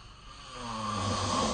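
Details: Snoring during sleep, recorded with a snoring app: snoring.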